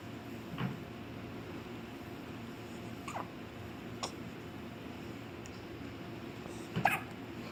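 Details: Dog with hiccups: several brief, sharp, irregularly spaced hiccup sounds over a quiet room background.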